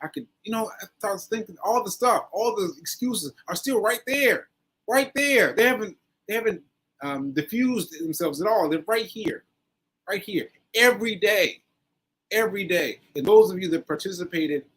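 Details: Post-stroke aphasia in an adult man, stroke on 7/14/22, recorded 7/4/23 during recovery; word-finding difficulty with fillers and restarts; aphasia (post-stroke).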